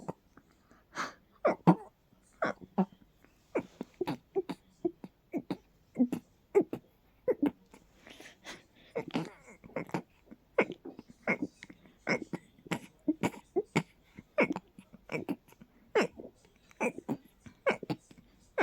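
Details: Stifled sneezing fit: a rapid run of short, muffled sneezes, with laughter around it.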